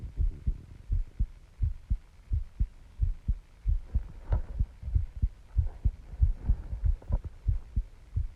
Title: My Heartbeat Sounds I can feel my heart pounding